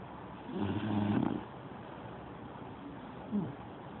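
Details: Lucy and Bruno: a low, rough, rumbling breath followed by a softer second one over steady room noise; an animal snoring.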